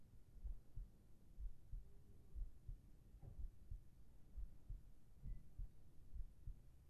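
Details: ASMR heart-sound recording for sleep, with whispered voice: soft, low, muffled thumps at roughly 60 a minute under steady hiss and hum; a slow, even, normal heartbeat.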